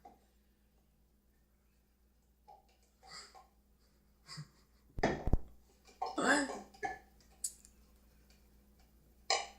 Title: Funny grandma sneeze light version